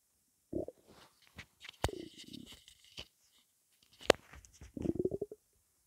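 Soft gurgles and low rumbling bursts with a few sharp squelches from the belly; ordinary hunger rumbling (borborygmi), harmless.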